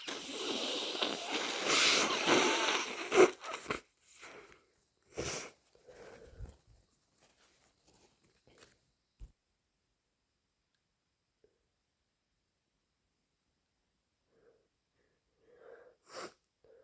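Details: Person with a worsening head cold and sinus congestion: a loud wet sneeze into a tissue, then congested sniffing and nose-blowing; sneezing with a cold.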